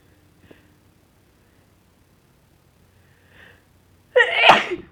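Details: Deliberately induced sneezing with a very sensitive nose, sneezes getting messy, in someone who suspects they may be getting sick: two faint inhaled catches, then one loud, explosive, wet-sounding sneeze in a quiet room.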